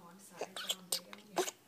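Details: Six-week-old baby boy hiccups in short, abrupt bursts over a steady background hum; ordinary and harmless: hiccups.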